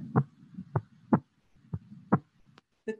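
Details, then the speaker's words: Normal heart sounds from a recorded teaching set, played in a simulated virtual COVID-19 patient case: regular paired low thumps near 60 a minute with the patient's breathing audible behind. "you can still hear that the patient is breathing while you're listening to the cardiac sounds which is really critical so you get an often ted authentic view of what it's really like what did we hear here sounds normal"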